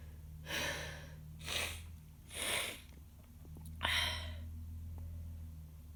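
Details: Person sick with a bad cold and worsening nasal congestion with heavy mucus: several noisy breaths and gasps build up, then end in a sharp, explosive sneeze, over a steady low background hum; sneezing.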